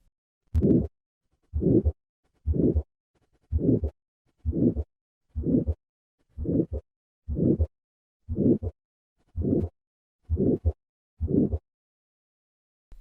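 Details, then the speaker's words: Patient with severe calcific aortic stenosis: regular harsh systolic murmur about 59 a minute that peaks late in systole as leaflet excursion decreases. "as the valve calcifies the excursion of the leaflets decreases and the murmur peaks later in systole listen to this later shift in the peaking of the murmur as the disease progresses from mild stenosis to severe"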